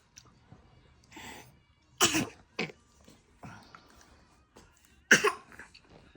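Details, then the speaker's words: Baby playfully imitating mother's cough with several short, sharp cough-like bursts, not an illness cough; imitated cough. "엄마가 기침하지. >> 아크. 왜 엄마 따라해?"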